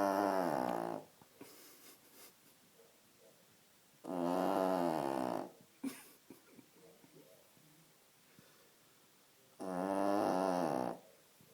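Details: Dog snoring: three loud, buzzy, drawn-out snores, each about a second long, with quiet breathing between, about 11 per minute.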